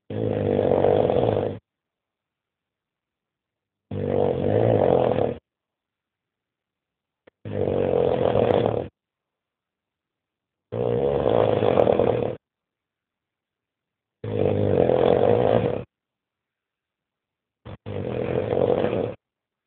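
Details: Loud, rattling snores repeat about every three and a half seconds, roughly 17 breaths a minute; snoring.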